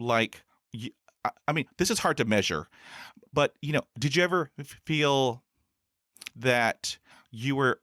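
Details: Real stuttering in an adult man who has stuttered since his school years and has had about 20 years of speech therapy in school, college and the US Air Force.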